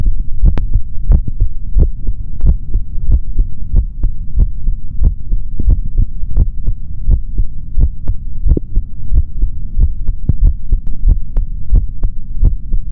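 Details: Male heartbeat heard through a stethoscope: steady, dull beats, about 90 a minute, over a low hum.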